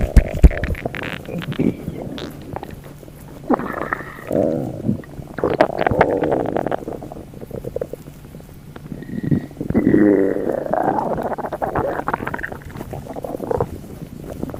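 Loud gurgling and squeaky stomach rumbles come in several long bursts with quieter churning between them.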